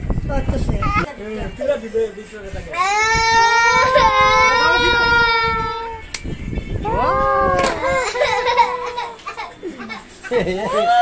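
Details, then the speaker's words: A little baby girl cries loudly and steadily in long wails with gasping breaths between, amid nearby voices, during and after having her ears pierced; infant crying in distress. "বাচ্চাটি কিন্তু খুব কেঁদেছিল, খুবই দুঃখ লেগেছে মনে, কিন্তু কি করব, কাজ তার কাজই।"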